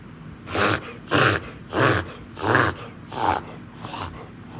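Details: Black Labrador with kennel cough, thought caught at the groomers: a run of six harsh, honking coughs in quick succession.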